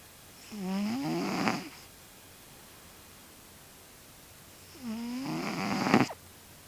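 Two slow rattling breath sounds about four seconds apart, each a fluttering vibration of the airway; a cat snoring in sleep.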